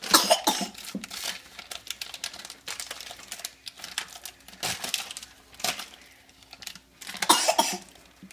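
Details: Child (the uploader's son) deliberately coughing about six short, breathy, put-on coughs onto turkey pepperoni while making a pizza, amid kitchen clatter.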